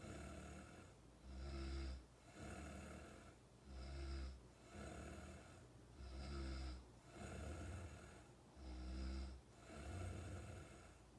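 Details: Steady rhythmic snoring, a low rattling snore with each breath at about 24 breaths a minute, with soft exhalations between.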